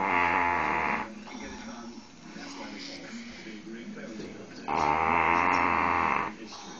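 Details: Dobermann dog sleeping after a day of lying about, snoring: two long, loud, buzzy rattling snores separated by a quieter breath, with faint room noise.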